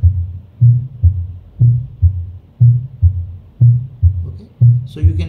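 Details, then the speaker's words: Stethoscope on a patient with pure, uncomplicated mitral stenosis: loud first heart sound, steady low beats about 60 a minute, opening snap after the second sound. "So you see you can listen the miter stenosis murmur here again"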